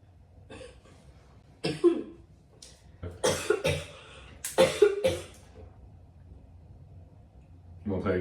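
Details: Harsh, explosive coughs in bursts, some in quick pairs, with brief throaty noises between them in a small quiet room: a coughing fit after taking a hit of smoke.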